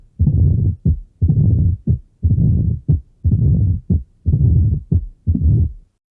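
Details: Heart sounds: loud, prolonged low whooshing beats at about 59 a minute, each followed by a short thud.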